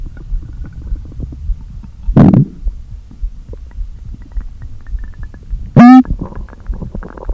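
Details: Stomach growling (borborygmi) after a full day without eating, stomach deliberately inflated with air: low gurgles and a couple of loud empty-sounding groans, one with a rising squeaky tone, over quiet rumbling.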